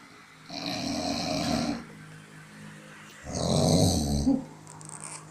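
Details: Loud snoring during sleep: two long, rough, rattling breaths in about five seconds with quiet pauses between.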